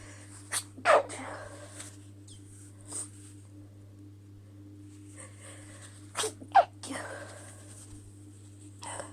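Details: Female hitching sneezes: a few short, breathy sneeze bursts with catching breaths before them, over quiet room hum.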